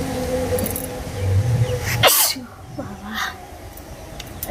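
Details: Sneeze outdoors during a sneezing challenge using cotton buds and grass: one loud, abrupt sneeze with a sharp burst of air, with wind and passing traffic noise.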